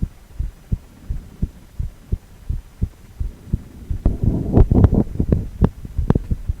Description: 4-chamber View of male heart with heartbeat sound.